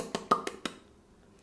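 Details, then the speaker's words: Imitated crackles: a vocal demonstration of discontinuous, broken sounds contrasted with continuous wheezes, described as air moving through fluid, for respiratory therapy breath-sound teaching. "anything like that you hear the difference in continuous versus discontinuous anything that has breaks in the sound okay it's going to be classified as a crackle most commonly caused by air moving through fluid"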